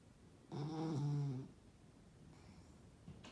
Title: Snoring puggle, Remmy